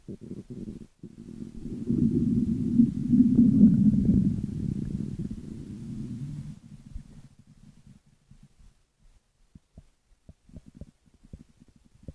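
Long low gurgling growl that fades into scattered soft bubbling, ordinary stomach rumbling.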